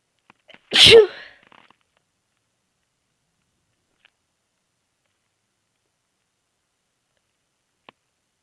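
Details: A single sharp, explosive sneeze followed by near silence; sneezing.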